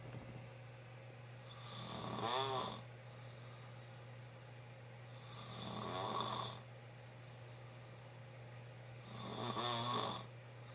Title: My dad snoring loud